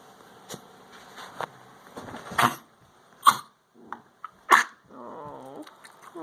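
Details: Female dog coughing, gagging and sneezing nonstop for about 10–15 minutes, cause unknown, owner worried: short harsh coughing bursts with retching, gagging sounds between them.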